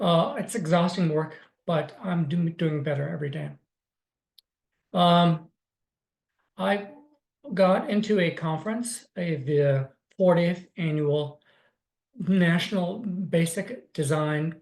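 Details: Adult man with aphasia caused by a stroke in 2016, almost nine years earlier.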